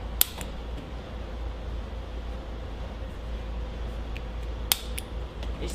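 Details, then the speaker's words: Chiropractic activator instrument used on the upper neck of an adult woman with a history of neck trauma: two sharp clicks about four seconds apart over steady room noise. "we're gonna do um an activator in her neck today the rest is gonna be full body spine and let's get this going"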